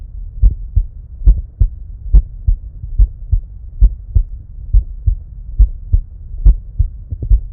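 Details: Steady, regular lub-dub heartbeat at about 70 beats a minute with a faint low hum, recorded with simultaneous ECG on a 2nd-generation EKO DUO digital stethoscope and EKO app; heart sounds.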